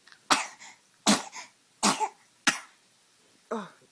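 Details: Four loud, explosive sneezes about a second apart, a run of repeated sneezing, with cooing mentioned and a brief voice after; multiple sneezes.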